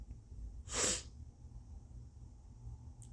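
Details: Single brief, breathy sneeze over low room hum from a congested person deliberately forcing sneezes by sniffing turmeric and tickling the nose and nostril rims with a Q-tip and tissue.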